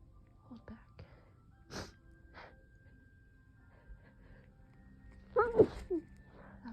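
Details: Several quiet, stifled sneezes in a hushed room, ending with a louder muffled burst; powerful suppressed sneezing.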